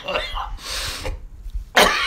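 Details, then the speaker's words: A few harsh, throaty cough and throat-clearing bursts from an adult in a small room; cough. "Alright, guess this cough. Mesothelioma, COPD, or Walter White lung cancer?"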